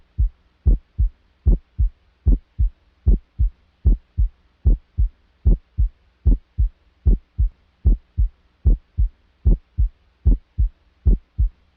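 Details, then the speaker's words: Crisp regular paired heart sounds at about 75 a minute; the first sound is low-pitched, soft and slightly longer than the second, with a short systolic pause and a longer diastolic pause: normal S1 and S2. "Comencemos escuchando los ruidos cardíacos normales. El primer ruido se caracteriza por ser de tono bajo, timbre suave y de duración algo más prolongada que el segundo."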